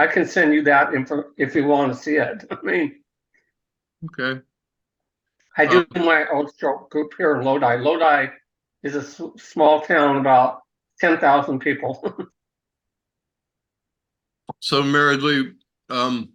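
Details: Adult male stroke survivor with ongoing aphasia since his stroke, who can sing along to familiar songs without it; aphasia.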